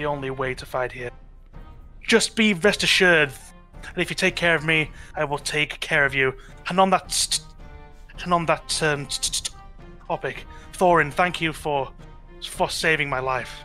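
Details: Stuttering in a man with a natural stutter (speech impediment) that he says usually clears up after about half an hour of roleplaying; it may sound like audio cutting out.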